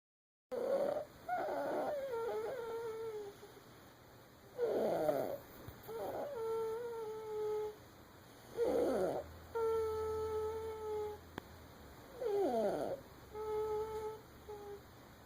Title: Snoring baby